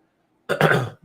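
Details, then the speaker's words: A single harsh, throaty cough burst from an adult man battling a head cold, during an hour-long evening live stream; cough. "and I'm battling with this cold a little. It sounds like I'm acting now because I'm coughing, but I'm going to try to not lose my voice."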